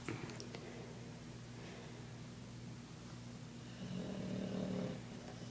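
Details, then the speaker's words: Dog snoring while asleep and apparently dreaming, legs twitching: steady low rumbling snore rising into a louder buzzing snort near the end. "Victor, why do you snore so loud?"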